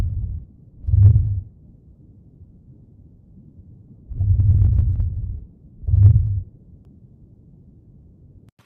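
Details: Breath sounds from critical care auscultation teaching: diminished breath sounds, faint, muffled, markedly reduced airflow sounds, suggesting air or fluid between lung and chest wall such as pneumothorax or pleural effusion.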